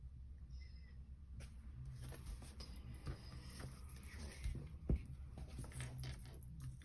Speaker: Oh, excuse me, you can hear my tummy rumbling.